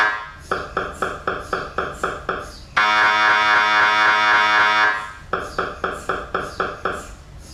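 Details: MRI scanner noise: rapid mechanical knocking at about four a second, then a loud steady buzzing tone, then the knocking again.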